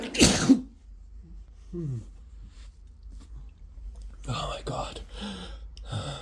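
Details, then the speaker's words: Person with the flu sneezing: one loud explosive sneeze, then quiet breathing and short voiced sounds as another sneeze builds; describes an intense tickle and repeated sneezing fits. "I feel another sneeze I really really have to sneeze"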